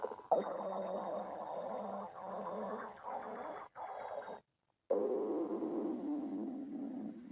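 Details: Stomach growling in a person: continuous gurgling, rumbling stomach noises with brief tonal groans, typical of ordinary bowel sounds (borborygmi).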